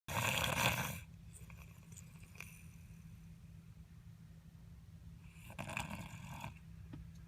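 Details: Two loud, rasping snores about five seconds apart with quiet breathing between, from a sleeping young boy; ordinary snoring.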